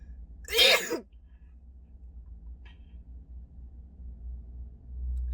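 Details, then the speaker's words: Young woman during a COVID-19 nasal swab test: a single sharp explosive reflex sneeze triggered by the swab, followed by quiet room noise. "feels like i wanna sneeze that's normal yeah a lot of people cheer up oh thank you get cold oh that's a wickedness that made me sneeze as expected"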